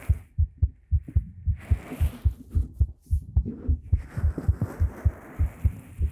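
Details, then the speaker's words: A heartbeat recorded with a 3Dio Pro binaural microphone during an ASMR talking role-play: steady paired low thumps about 105 a minute, with soft rustling and breathy noise. A normal heartbeat. "The woman was embarrassed and her heart was beating faster."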